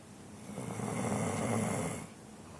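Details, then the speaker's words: Sleeping female, called a good girl: one loud, rumbling snore on a drawn-in breath, rising and then fading; snoring. "Ronnie's making all that noise honey honey he's sleeping you sleeping yeah I was wondering who was following all that wood good girl good girl that's what draw any sounds like when she's snoring"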